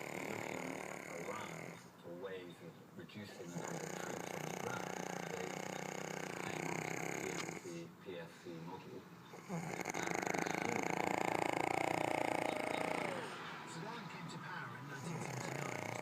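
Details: Person snoring loudly in sleep before being woken: loud, long rumbling snores with brief pauses between them over steady room noise; heavy snoring.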